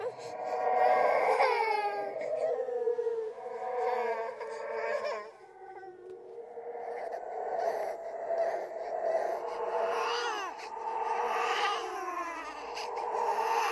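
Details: Horror sound-effect track, not a real baby: drawn-out, wavering infant-like crying with sobbing catches, processed for eerie effect; a ghost-baby imitation of an infant cry.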